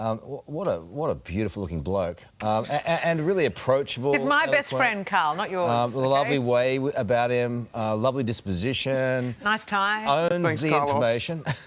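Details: Adult male speaker; Normal speech.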